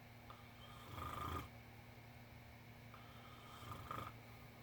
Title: This Must Be Oreo The Cat Snoring